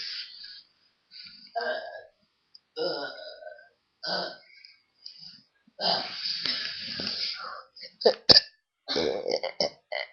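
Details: Deliberate funny burps made for fun, one described as smelly, with a brother also burping: a run of short, throaty burps, one longer drawn-out burp and clicky bursts near the end.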